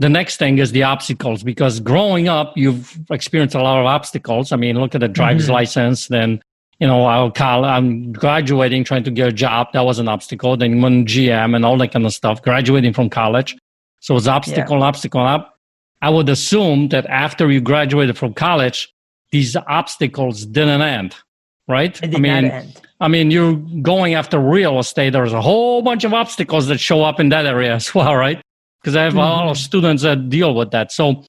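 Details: Adult male speaker; normal speech.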